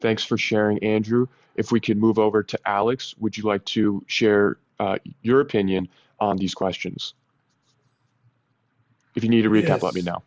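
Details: Adult male speaker; typical speech.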